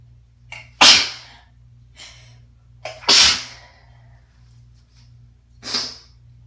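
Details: Adult with winter cold, congested and struggling with asthma: three forceful, wet, messy sneezes, each preceded by a brief inhaling catch, in a quiet room with low hum; rough congested cold sneezes.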